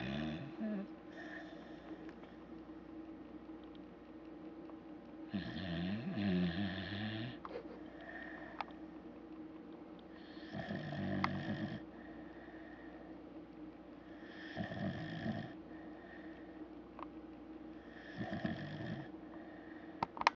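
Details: Loud dog snoring: a sleeping dog gives regular snorting snores, about five breaths in twenty seconds (roughly 15 a minute), with a faint background tone.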